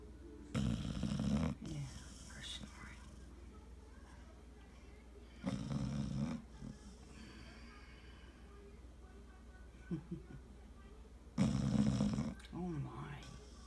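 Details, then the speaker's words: Female snoring in sleep: rough, rattling snores of about a second each recur at intervals, with soft voices speaking to her in between, before she wakes. "You ignoring? Hmm? It's a snoring."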